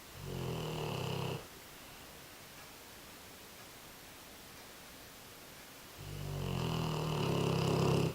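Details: American Bulldog snoring in one of his quieter sessions; he often gets much louder: two loud, low rattling snores separated by a quiet exhale.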